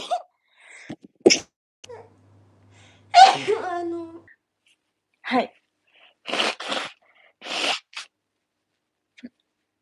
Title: Female japanese sneeze and blowing their noses | Part 3 | くしゃみ